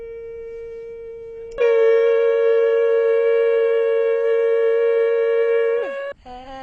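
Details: Vocal fold nodules, stiff mucosal wave on stroboscopy; nodules touching can cause jumping pitch or diplophonia: vocal fold nodules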